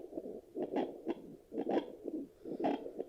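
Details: Pulsing whooshes at roughly 64 a minute from a handheld fetal Doppler used on the mother after delivery, picking up her normal adult heartbeat.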